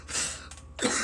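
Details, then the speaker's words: Harsh, raspy cough burst with throat clearing right after a big bong hit of cannabis smoke. "this is going to be like a like a we cough video cuz I just hit a mass of bong and I'm coming like a [ __ ]"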